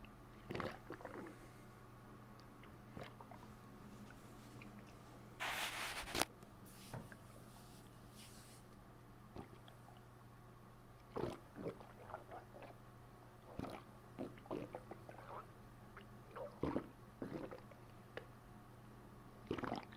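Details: Adult abdomen pressed down with a fist after a bowel movement, quiet room: scattered soft wet squelches and gurgles, abdominal gurgling (borborygmi).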